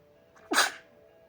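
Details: A single sharp, explosive sneeze, described as dog-allergy sneezing after sleeping in bedsheets a dog played in.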